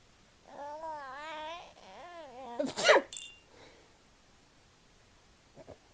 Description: Variation of babies sneezing.So cute ....